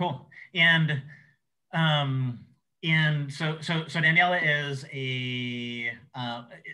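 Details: Adult male who says he has cluttering, a fluency disorder: cluttering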